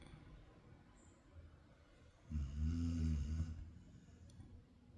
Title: the snoring....